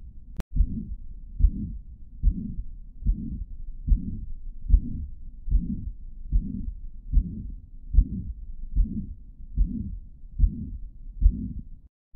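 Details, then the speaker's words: Teaching recording of a mitral regurgitation murmur: regular heartbeat about 73 a minute with a harsh holosystolic murmur starting right after the first heart sound, intense from onset and lasting all of systole. "na insuficiência mitral teremos um sopro iniciado logo após a primeira bulha e que já inicia intenso e dura a sístole inteira"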